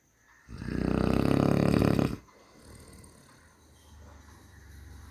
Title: மனிதனின் குறட்டை ஒலி | குறட்டை சத்தம் | Snoring sound